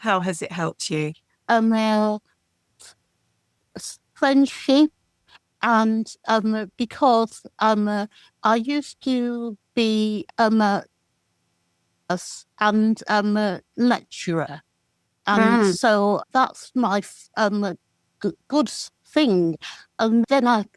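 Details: Aphasia from a stroke about 17 years earlier in an adult man; speech is difficult, slow and described as slurred, while reading is fine.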